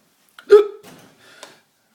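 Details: An adult male trainer's single abrupt, voiced hiccup with a sharp catch, followed by a soft breath out, during a bout of hiccups.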